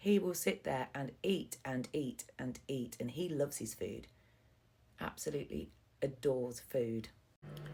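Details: Adult male speaker; Normal speech.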